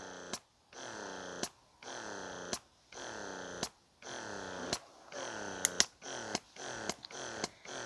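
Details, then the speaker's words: Rhythmic motor hum broken by sharp clicks, roughly once a second: an O'natural (Youha) 0.21 wearable breast pump running in expression mode, level one. "this is the noise and stimulation it does get a lot quieter once it goes into a expression because it does a lot slower movement"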